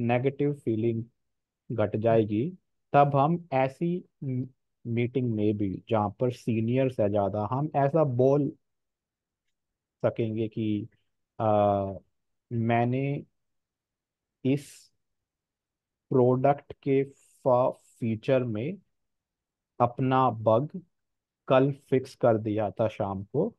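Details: Real stammering in an adult man who says he stammers more in one-on-one situations; stuttering.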